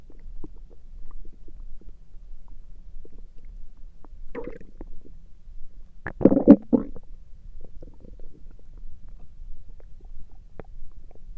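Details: Stomach noises recorded through the night; bowel sounds (borborygmi).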